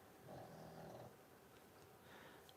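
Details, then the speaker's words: Sleeping female pug, dreaming with paws twitching, gives one rough, low, buzzing snore, then quieter breathing against room noise. "so please do what you can you can hear the pug snoring"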